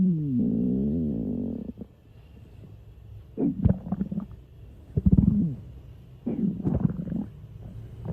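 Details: College girl stomach growling (borborygmi): a long rising and falling gurgling growl, then several shorter bubbling rumbles from gas and fluid moving through the gut.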